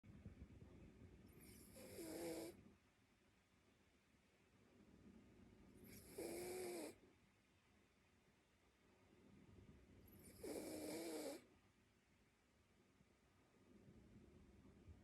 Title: Snoring sleepy cute mini labradoodle dog